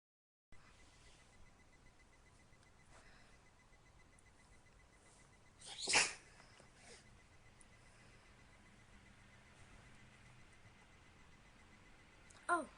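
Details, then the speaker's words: A single sharp, explosive sneeze from a woman over faint room noise, followed later by the start of another; ordinary sneezing. "Whoa. I'm gonna sneeze. It's tough."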